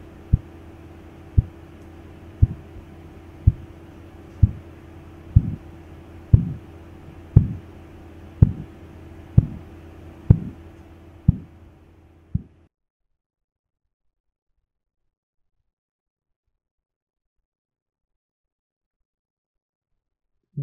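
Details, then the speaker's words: Korotkoff sounds heard by stethoscope at the cubital fossa during manual auscultatory blood pressure measurement: regular soft thumps about once a second during cuff deflation from about 160, stopping near 60 mmHg; BP about 105-110/60. "sounds disappeared in the moment when the cuff pressure was approximately 60."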